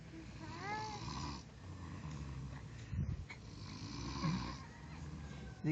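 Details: Grandfather asleep: low, rumbling breathing that rises and falls unevenly while an infant babbles briefly nearby; snoring.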